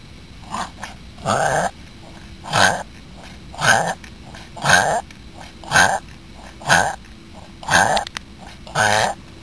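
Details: Young female Papillon, born end of April, with worsening random episodes since November; vet throat exam under anaesthesia normal. A run of harsh honking snorts about one per second: reverse sneezing.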